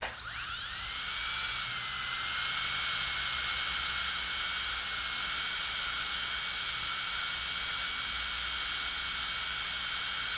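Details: Dental drill sound effect: high-pitched whine rising quickly as the drill spins up, then a steady continuous run.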